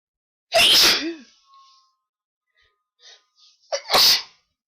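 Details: Person with pollen allergy during an ongoing sneezing attack: two loud, explosive sneezes a few seconds apart, separated by a quick inhalation; repeated sneezing.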